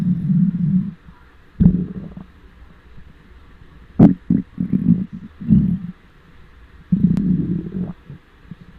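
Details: Hunger stomach noises recorded with a microphone on the belly: loud low gurgling rumbles in bursts with short pops between them; normal borborygmi.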